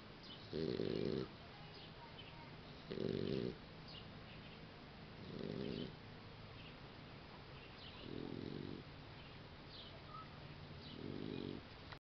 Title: Max the boxer puppy snoring